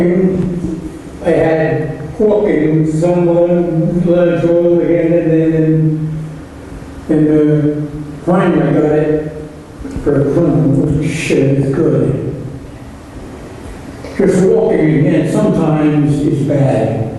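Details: AphasiaBank sample of a male patient with fluent but uninformative speech and a prominent semantic paraphasia, substituting one word for another throughout; fluent aphasia with semantic paraphasia.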